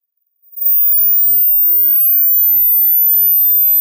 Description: Which frequency can you hear